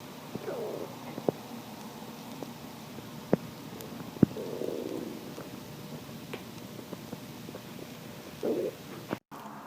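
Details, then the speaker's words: Own stomach sounds recorded on request: quiet gurgling rumbles with a few faint clicks over low room noise; stomach growling, ordinary bowel sounds (borborygmi). "I've had some requests to attempt to collect more of my stomach sounds and I swear when I actually tried it was as if my stomach was camera shy so I did attempt to collect some sounds and these are those sounds"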